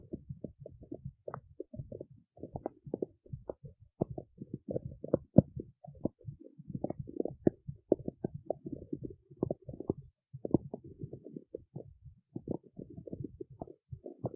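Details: Stomach growling recorded in the city: continuous rapid low gurgling and bubbling.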